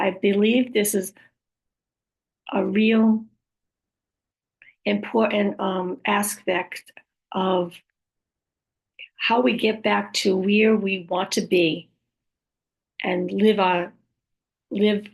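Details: Woman after a stroke with aphasia, apraxia of speech and other communication challenges: aphasia with apraxia of speech.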